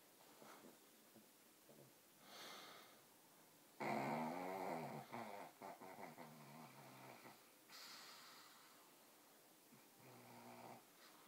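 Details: Sleeping pug: soft, uneven snorting and wheezy snoring breaths with one louder rattling snore in the middle, in a quiet room; the dog wakes afterward; snoring.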